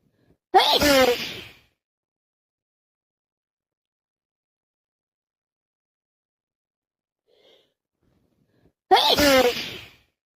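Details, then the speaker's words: Wet, forceful sneezes from a worsening common cold with congestion and runny nose: two sneezes about eight seconds apart with near silence between them. "I'm sick as a dog. Can't stop sneezing, blowing my nose, sneezing. It's so wet and messy. I'm sneezing everywhere."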